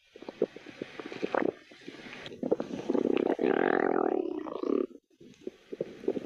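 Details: A person's stomach growling (borborygmi): gurgling abdominal noises build into a long, low rumbling growl, then settle into softer pops and bubbles.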